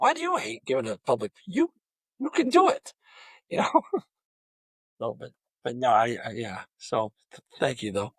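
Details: Adult male high school football coach who stutters; stuttering.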